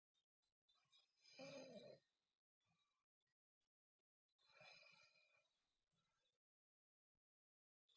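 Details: Sleeping girl snoring with her mouth open: two long, rough, rattling breaths with quiet gaps between; snoring.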